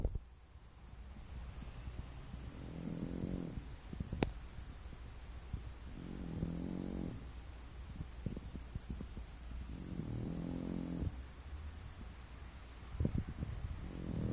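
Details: A French bulldog in deep sleep, snoring: slow, regular, rattling snores about every four seconds, roughly 15 breaths a minute, with small snorts and clicks between them.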